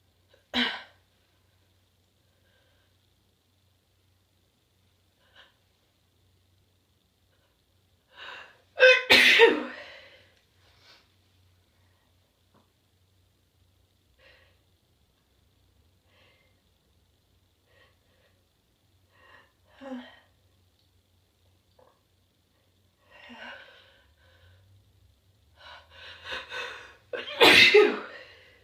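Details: Several strong, forceful adult sneezes, two especially loud, each preceded by a quick catching inward breath.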